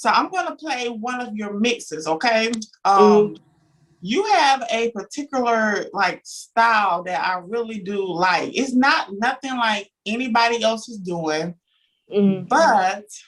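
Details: Adult woman speaking; typical speech.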